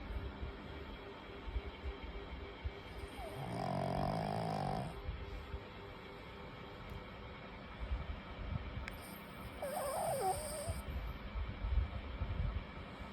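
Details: Two long, rough, rumbling snores about six seconds apart over steady background noise from sleeping pugs; snoring.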